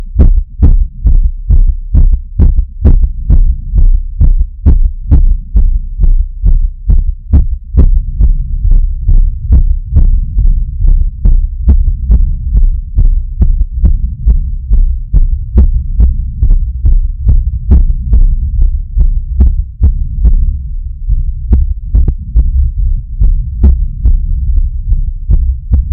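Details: Fast heartbeat after exertion, recorded after climbing stairs to an apartment; rapid, pounding heartbeat about 140 per minute over a low, steady rumble, with heavy breathing.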